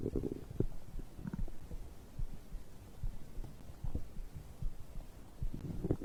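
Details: Abdominal digestion sounds recorded after drinking a beverage: low, irregular gurgling and rumbling throughout; ordinary bowel sounds, stomach growling.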